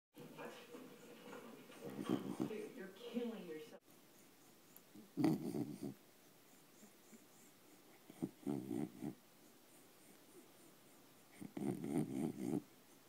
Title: Ruffles Snoring